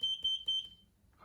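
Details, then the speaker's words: Three high beeps about a quarter second apart, then quiet, from a vintage Boso-tron semi-electronic blood pressure and pulse meter signalling detected pulse beats as the pumped cuff deflates. "And we can, this is how it's making the measurement from the microphone or from the crystal."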